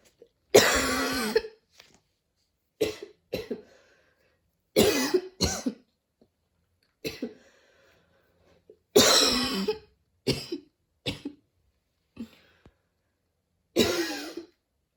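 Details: Person coughing after a run at the start of allergy season, with dizziness and near-fainting: repeated harsh coughs in short bursts, about seven over fifteen seconds, some with a tight wheezy edge; very wheezy cough.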